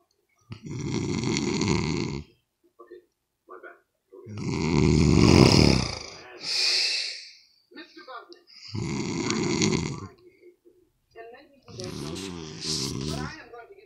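Loud, rough, rattling breathing sounds recur in long bursts with pauses between them, fitting heavy snoring.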